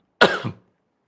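A single short cough runs into a brief throat clear from an adult man.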